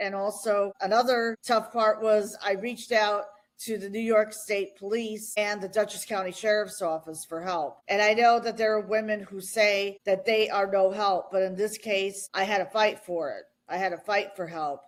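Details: Adult woman speaking; normal speech.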